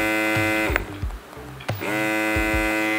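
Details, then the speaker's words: Gabag electric breast pump switched on: steady motor hum with a brief dip and restart; electric breast pump motor. "ini ada 16 tahapan nih bunyinya kayak gini gimana"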